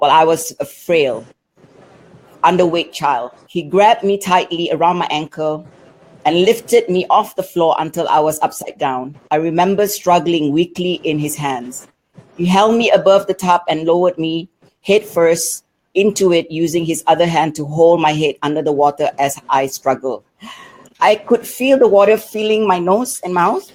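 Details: Adult speaker; typical speech.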